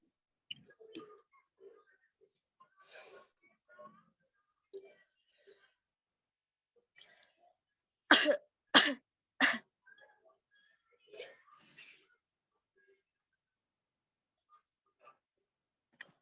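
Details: Quiet slow breaths, then three strong coughs in a row, a nursing-student roleplay (simulated) demonstrating the effective cough technique for clearing sputum in a breathless patient.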